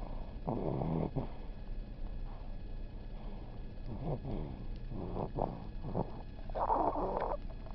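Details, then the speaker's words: Soft, irregular low rattling snores with a faint snort over steady room hum, from a child sleeping, recorded February 2005; snoring. "Snores like his daddy, doesn't he? No, he snores like his mommy. Mommy snores like a wildebeest."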